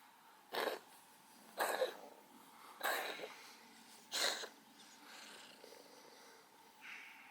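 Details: Four short, harsh, hacking bursts about a second apart, then a softer one, from a cat coughing in the early morning; cat cough.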